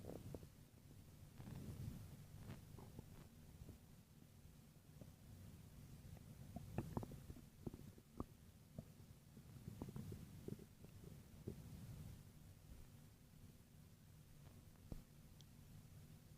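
Quiet low rumbling with scattered gurgles and pops from the abdomen; ordinary stomach growling.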